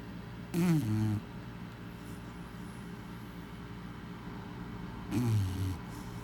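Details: A sleeping female Chow Chow dog makes two low, groaning snore-like breaths about five seconds apart over a steady room hum: snoring.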